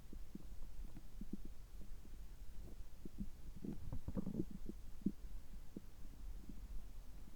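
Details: Stomach sounds recorded just after an upper gastroscopy (stomach camera exam) with normal results, before drinking water. Low gurgling and bubbling abdominal noises over a steady background hum; ordinary stomach rumbling (bowel sounds).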